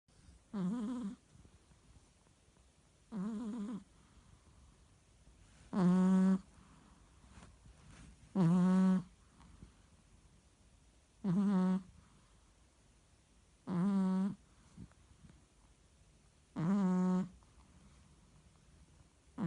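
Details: Merle Chihuahua sleeping and snoring: short, regular, buzzy snores, about 23 a minute, with quiet pauses between breaths.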